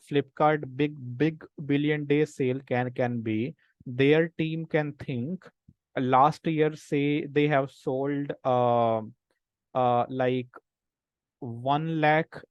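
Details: Speech of an adult man who stammers, a senior volunteer of an association of people who stammer who have taken a self-help path; stammering.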